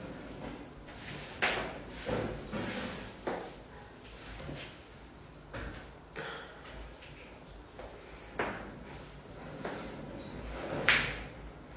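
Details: Compilation of joint cracking: a series of sharp pops and cracks from harmless gas release in the joints.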